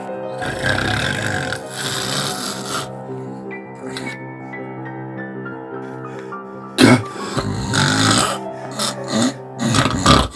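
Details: Loud, exaggerated rattling snores over background music, acted for comedy, not real; snoring from vibration of the relaxed soft palate during sleep.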